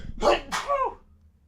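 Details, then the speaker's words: A single adult sneeze during a podcast: a quick sharp intake, then an explosive burst with a short voiced tail, in a quiet room. "And sneezes. Nice sneeze at the end there, yeah. Yeah, thanks. I felt the sneeze and no, not now."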